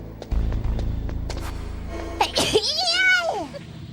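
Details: A single quick sneeze with a sharp burst and a high voiced trailing sound over soft background music, from a VTuber who says her allergies are very bad.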